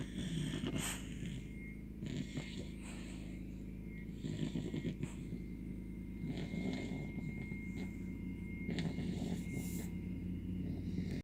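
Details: 17-week-old American Bully puppy asleep, low rumbling, rattling snores in slow repeated breaths; dog snoring.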